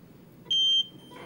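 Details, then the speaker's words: Single sharp high electronic beep, about a third of a second, from a ventilator demonstrated in Nairobi as the system starts after settings (maximum pressure 26); ventilator beep confirming settings accepted. "you'll see it's faster even the beep is telling you that it has been accepted"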